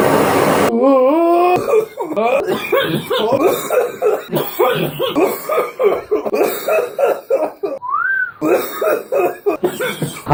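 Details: Rapid runs of harsh, partly voiced coughing bursts from adults after smoking weed, with strained, wheezy breaths between.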